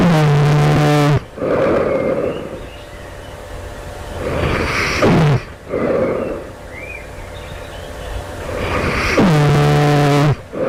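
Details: Loud, rough, rattling snores on each in-breath with noisy out-breaths, about a dozen breaths a minute, recorded right before awakening at night; sleeper wonders whether it suggests developing sleep apnea: loud snoring.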